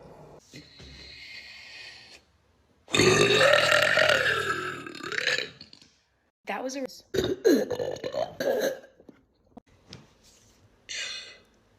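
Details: A burping compilation: a long, loud, rumbling belch, then a run of shorter belches and some speech.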